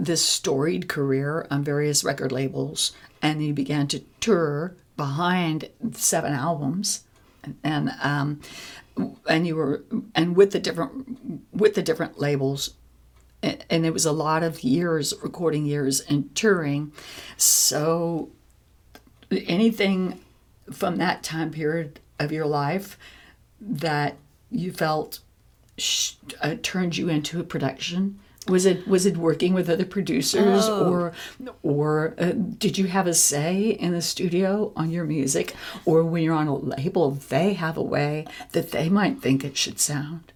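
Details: Adult woman with spasmodic dysphonia, a vocal cord disorder in which the vocal cord muscles spasm; she reports that certain specific words block for her; spasmodic dysphonia.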